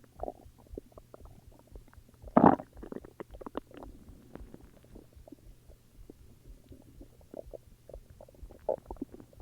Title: More stomach growls UwU